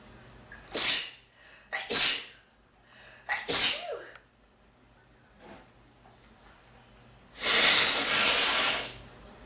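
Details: Three forceful sneezes, each preceded by sharp inhaled catches, then a long, loud, hissing nose blow.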